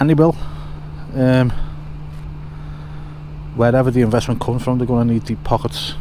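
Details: Man with a stutter since childhood, quite bad at school, which he thinks is confidence-related; he says he sometimes repeats himself; stuttering.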